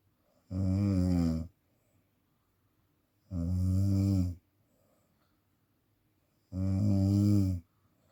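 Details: Snoring in sleep apnea, where the sleeper wakes because breathing is hard or impossible: three loud, rumbling, buzzy snores about three seconds apart with quiet gaps between.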